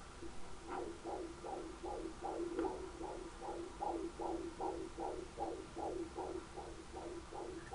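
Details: Doppler fetal heartbeat at 20 weeks of pregnancy, rapid and regular whooshing at about 140–150 beats per minute, strong and healthy: normal fetal heartbeat.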